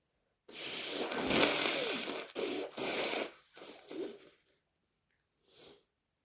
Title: Morning thick, snotty cold blows and a few messy sneezes